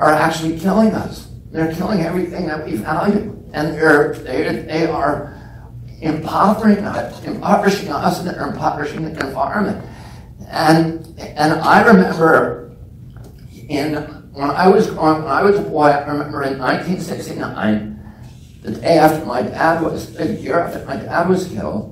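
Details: Man with spasmodic dysphonia (spasmodic dystonia) since age 42, after a previously strong voice; voice trembles, the tremble lessens or goes away after speaking a while; not painful.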